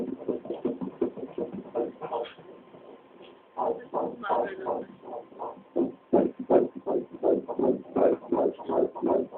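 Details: Fast, regular whooshing pulses about 160 a minute on ultrasound Doppler at 4 months of pregnancy; a normal fetal heartbeat.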